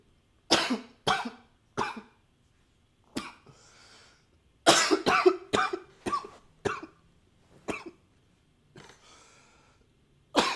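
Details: Coughing recorded with a new high-fidelity microphone: about a dozen short, harsh coughs in bouts, with quieter airy nose-blowing sounds between them.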